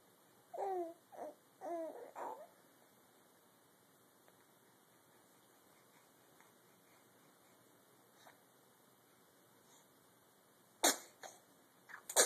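Infant babbling in a quiet room, then after a pause a single sharp sneeze-like burst.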